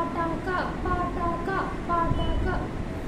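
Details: Adult woman before voice therapy with a feeble, high-pitched, child-like voice and overall dysphonia present for four months; high-pitched weak voice (dysphonia).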